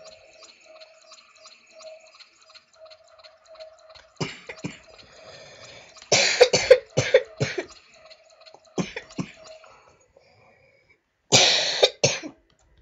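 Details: Several harsh coughs in bursts from a gamer playing Portal, over faint game sounds in the background.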